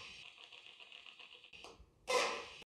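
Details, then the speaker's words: EMG needle searching for the levator scapulae on the lateral neck behind the trapezius before a 50-unit botulinum toxin injection: rapid crackling clicks from the EMG speaker, then a louder burst confirming active muscle. "now we have heard an active signal which means we have found the levator scalpa we are injecting 50 units into it"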